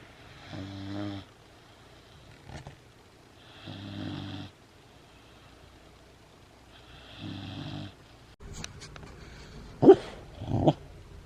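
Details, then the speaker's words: Great Dane puppy snoring while asleep when petted: loud, low, buzzing snores, three breaths about 3 seconds apart, then rustling. "If you pet her when she sleeps, she makes noises. Okay, of course she doesn't do it for the camera, but oh, there it is."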